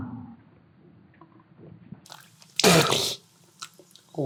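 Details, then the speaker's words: Quiet breathing and small noises, then a brief loud gushing spray of water through the nose as a user tries a NASALFRESH MD electric nasal rinse device. "shit. That actually works pretty well. Holy shit."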